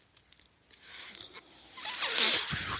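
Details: Speaker's own mechanical ventilator: a few soft clicks, then a rising rush of airy hiss as the machine delivers a breath.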